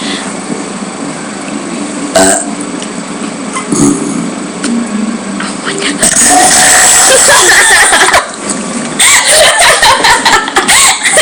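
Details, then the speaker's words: Burping contest: loud, long voluntary burps with voices nearby; ordinary belching. "this is a skateboard yeah and we're gonna have a burping contest yeah it's kind of weird but we're gonna get it"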